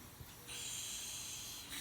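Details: Steady high hissing wall suction that rises once the catheter seals at the nostril: nasal suctioning of secretions in a young child in the emergency department.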